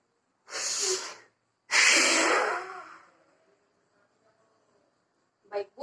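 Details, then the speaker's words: A quick deep breath in, then a long, hard, forceful blow out: demonstrated forced vital capacity spirometry manoeuvre in a physiotherapy cardiopulmonary exam for shortness of breath. "kedua fpc atau Hospital capacity dimana pemeriksaannya sama seperti PC pertama tadi tetapi pada pemeriksaan gini langsung hari nafas kuat kemudian kembung sekuat mungkin seperti ini ya Bu"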